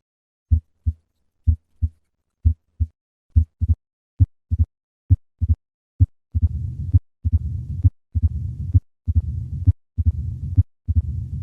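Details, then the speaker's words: Patient with mitral stenosis, heart rate about 66/min: three normal beats, then an added early diastolic opening snap, then a low-pitched rumbling diastolic murmur. "listen to a patient with mitral stenosis i will start with three normal beats and then add the opening snap and finally the diastolic murmur"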